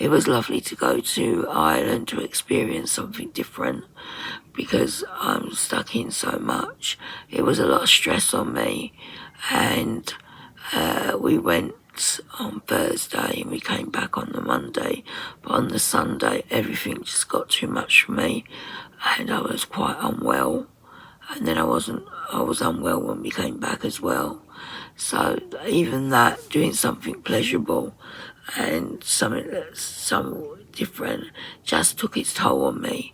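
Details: Woman with very tight, stressed muscles around her vocal cords, voice sometimes distorted or hard to understand, attending speech therapy; muscle tension dysphonia.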